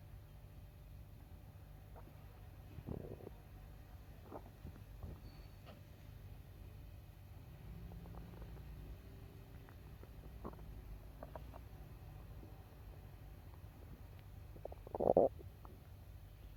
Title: Bowel sounds after a meal #stomach